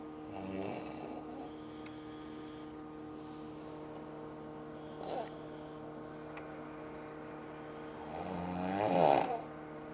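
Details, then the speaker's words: Mother-in-law snoring at 5:05 while the family tries to sleep on vacation: loud rattling snores on breathing in, with a brief snort between them, over a steady room hum. "My boys are sleeping, but I can't sleep because of this racket."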